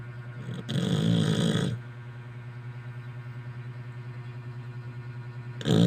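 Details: Pregnant dog snoring loudly, like a human: a loud, rough snore, then a low steady rumble, with another snore starting at the end.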